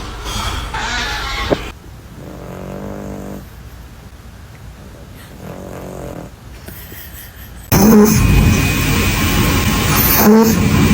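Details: Sleeping cat snoring like a human: low, rumbling snores in repeated breaths, then a loud noisy stretch at the end.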